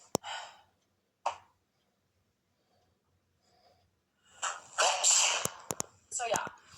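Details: Several short, sharp, breathy bursts, each with a quick catch of breath before it; a run of sneezes in a quiet room.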